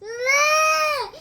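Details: Infant crying: a single sustained, clear, tonal cry, rising then falling off at the end, an ordinary baby cry.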